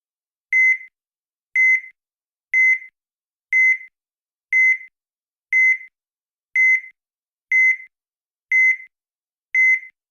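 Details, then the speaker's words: Veterinary digital electrocardiograph TM-300 with Easy-G software, heartbeat sound unmuted as in monitor use; short high beeps, one per R wave, evenly spaced at about 60 a minute, a steady regular rhythm. "Si yo no los silencio, lo que va a ocurrir es que me va a aparecer un pitido con cada una de las ondas R. Esto puede ser interesante si lo tengo como monitor,"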